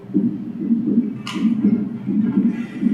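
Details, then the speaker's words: Heart sounds recorded by a student-built wireless auscultation device, filtered to remove talking: faint, quieter regular low thumps about 80 a minute; normal heartbeat. "as you can hear the sounds are a little bit more quiet compared to when it wasn't filtered but you can hear a heartbeat now instead of the talking"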